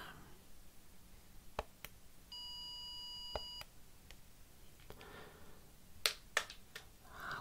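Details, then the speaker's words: Simulated (ASMR roleplay) pure-tone audiometry test, other ear occluded with a plug: first tone at 1000 Hz and 80 decibels, a steady pure beep lasting about a second amid soft tapping and rustling. "We're going to start at 1000 Hz and 80 decibels. Are you ready? I'll just place it over the ear there, and here we go."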